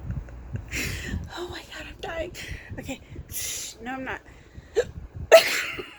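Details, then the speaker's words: Prolonged hiccups in an adult, about 10 to 15 minutes long and unusual for them: brief sharp catching sounds mixed with voiced noises and breathing. "but I've been doing this for like I don't even know ten minutes everybody came yeah eventually I'm gonna stop"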